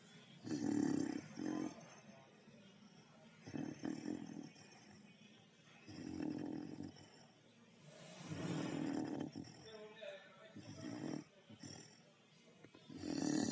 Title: Funniest Beagle Snoring